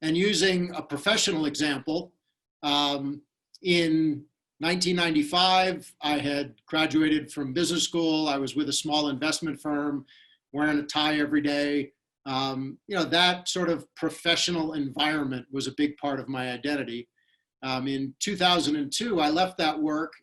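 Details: Adult male speaker; normal speech.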